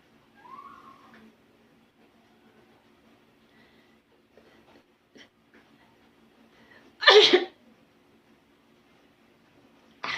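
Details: Sharp, explosive tickle-induced sneeze in a quiet room with faint sounds, then the start of another sneeze: sneezing.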